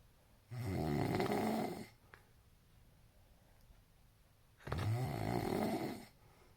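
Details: Two long, loud, rumbling inward snores from a sleeping partner about four seconds apart, roughly 15 breaths a minute; heavy snoring.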